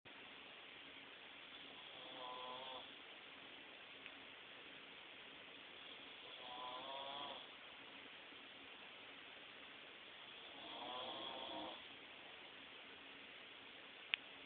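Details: Three slow, rough snoring breaths about four seconds apart over a steady background hiss; a person snoring.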